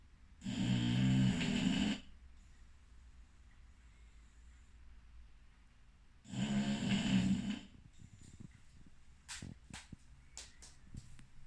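Two loud, deep, rattling snores about five seconds apart, with faint clicks and room noise between: regular snoring, roughly twelve breaths a minute.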